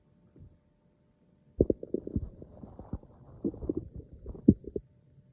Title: Hungry stomach noises